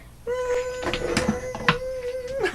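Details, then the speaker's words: Adult vocally imitating her own tinnitus: a steady, high, unwavering hummed tone for the constant, really loud ringing she hears and masks with background noise, with faint room noises around it. "So I have tinnitus, and my tinnitus sounds like this."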